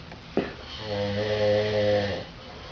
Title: Me and my roomie snoring our heads off when I was in hospital